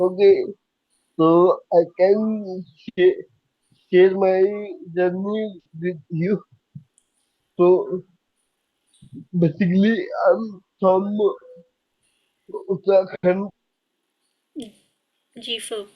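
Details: Young adult man with cerebral palsy diagnosed at age 2, unable to speak as a child and still needing double effort to speak clearly; dysarthria (cerebral palsy).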